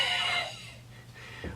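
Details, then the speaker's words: Adult imitating a wheeze while explaining croup: a brief, high-pitched, whistling breath sound that fades away; imitated wheeze, contrasted with croup's seal-bark cough and stridor. "a whee is a high pitch sound and it sounds like"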